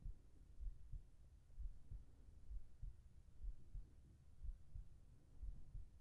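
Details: ASMR heartbeat recording for sleep, with whispered voice: soft, muffled paired thumps at about 60 a minute under a low hum, calm and regular; normal heartbeat.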